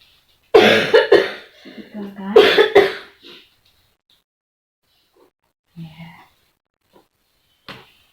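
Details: Nursing demonstration on an adult female patient after deep breathing and chest physiotherapy back patting to loosen mucus: a few loose, throaty productive cough bursts with throat clearing, then quiet breaths.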